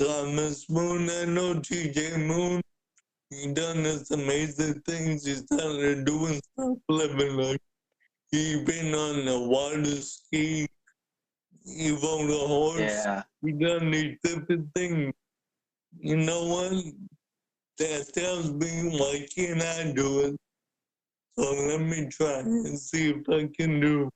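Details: Dysarthria in an adult man with cerebral palsy since birth who uses a wheelchair; speaking is noted to be hard for him.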